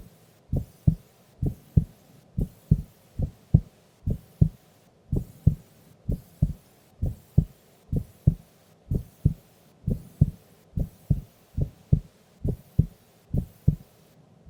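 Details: Sleeping female's heartbeat recorded during an afternoon nap: steady, regular two-part lub-dub at about 66 beats per minute; normal heartbeat.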